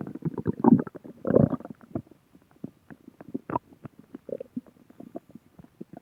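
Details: Bowel sounds (borborygmi).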